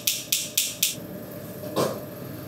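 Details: Focused shockwave therapy, about 3,000 shots at four or five points, on a patient who finds it very painful: four sharp, evenly spaced clacking pulses about four a second, then quiet.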